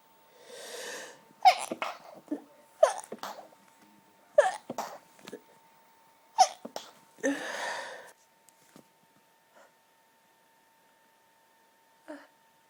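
A run of about four sharp, choked bursts with quick breaths between them, in a quiet room; forceful stifled sneezes.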